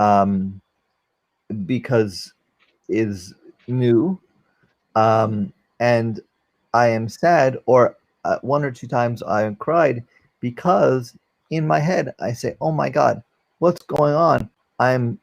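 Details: 44-year-old man, a former paramedic, with aphasia from a stroke during valve surgery; he cannot use one arm; post-stroke aphasia.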